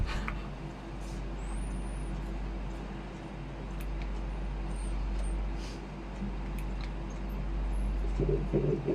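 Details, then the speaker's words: Twin pregnancy fetal heartbeat on Doppler ultrasound: fast, rhythmic whooshing pulses over a low rumble, one twin's normal heartbeat, both twins reported well. "তোমাকে আমি আর heartbeat শোনাই দেখছো কত সুন্দর heartbeat সুবহানাল্লাহ এটা এটা হচ্ছে তোমার একটা হচ্ছে হার্টবিট আরেকটা শোনো"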